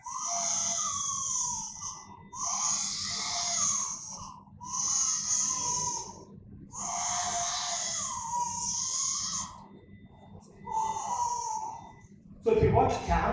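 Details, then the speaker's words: Infant with inspiratory stridor and a minimal muffled hot-potato voice, suggesting a supraglottic lesion; laryngomalacia was diagnosed on endoscopy. Harsh, noisy breathing and crying in repeated bursts. "So, listen to this uh noise. Okay? It's stridor, but you can pick up something more on that."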